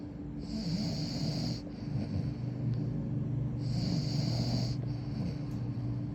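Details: Snoring while sleeping: steady, low rattling snore through the breath, with a faint whistling sound on some breaths, over a constant background hum.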